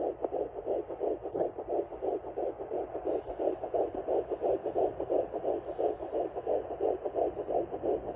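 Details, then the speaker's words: Fetal heart sounds on a handheld Doppler, ultrasound gel applied to the pregnant patient's abdomen: rapid, regular whooshing fetal heartbeat around 150–159 per minute, normal rate. "यहां हम jelly लगाते हैं और patient के abdomen पर जब लगाकर सुनते हैं तो यह ऐसे साउंड करता है और ऐसे चलता है ओके यह अल्ट्रासाउंड जेली होती है जिसे लगाकर हम पेशेंट का एफएस बच्चे का फिटल हार्ट रेट सुनते हैं"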